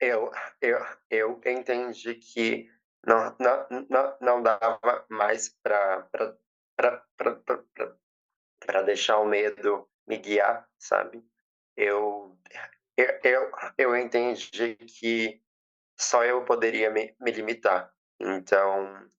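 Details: Stuttering since age 7 in a 20-year-old woman after speech therapy; she reports being nervous; heavy word and part-word repetitions.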